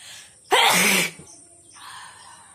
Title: Nose blowing & sneezing challenge part-2 requested video@simavlog2545